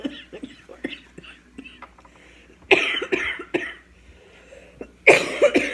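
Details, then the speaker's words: Adult gives a few harsh, sharp coughs without rattle, describing it as a really dry cough that sounds horrible. "it's like having like this really dry cough where I sound like I don't even know and when I cough it sounds horrible"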